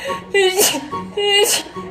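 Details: Female sneezing on TikTok: two quick voiced sneezes, each a rising 'ah' ending in a sharp burst, with background music.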